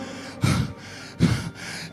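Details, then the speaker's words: Acted dramatization of a COVID patient complaining of breathing difficulty and cough: two sharp, noisy gasping inhalations portraying shortness of breath; simulated gasping breaths. "मुझे सांस लेने में मुझे सांस लेने में इतनी परेशानी क्यों हो रही है मुझे डॉक्टर के पास जाना चाहिए"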